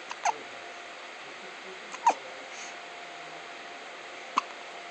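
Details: Baby hiccups: three brief, sharp squeaky catches a couple of seconds apart over faint room noise.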